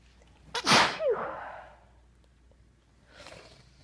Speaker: Oh man. I still have to sneeze. How is that even possible?